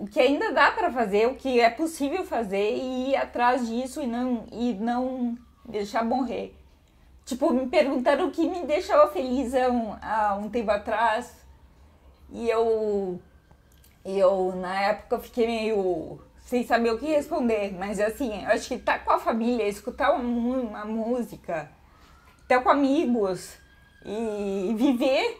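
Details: Woman with hereditary autosomal dominant spinocerebellar ataxia (Machado-Joseph disease), symptoms from age 38, diagnosed at 40, speech affected by the disease; ataxic dysarthria.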